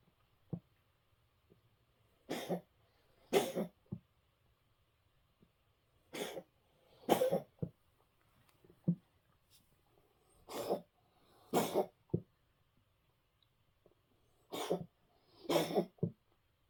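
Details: Cat tries to cough up a hairball: repeated hacking, retching coughs in short bursts without bringing it up, afterwards eats breakfast.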